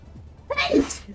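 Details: Person with allergies sneezing while gaming: a single loud sneeze, a brief intake then a sharp explosive burst with a hissing release over faint background noise.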